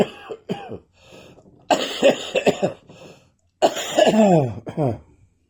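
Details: Repeated harsh, partly voiced coughs in short runs with throat clearing: a post-viral cough that continues after a viral illness.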